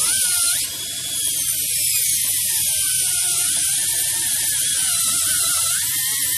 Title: How is the 1:2 air motor Dental Handpiece working